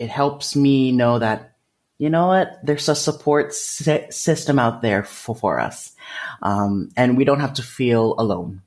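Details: Developmental stuttering, which he calls a speech disfluency, in an adult man.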